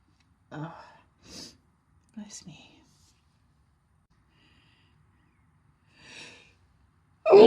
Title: a series of sneezes from the past few weeks